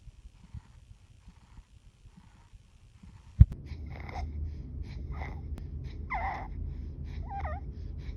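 After a few quiet seconds and a click, rapid noisy breaths repeat at short intervals, some carrying a harsh high-pitched tone. This is stridor with fast, labored breathing, a sign of upper airway narrowing and respiratory distress in a child. Low room rumble runs underneath.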